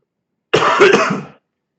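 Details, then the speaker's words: Adult who says they are ill gives a single harsh, rough cough with a throat-clearing quality in a quiet room. Cough. "God, that was an awful cough. Sorry you guys had to hear that. It's gross. I'm battling through sickness for you guys."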